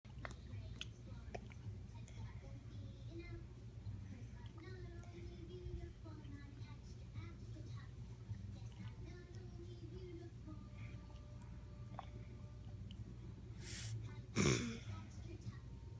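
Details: 4-year-old boy with several vocal and motor tics, which began worsening after 3 months with stress and time of day: quiet room hum, then a sharp sniff and brief throat clear; vocal tic.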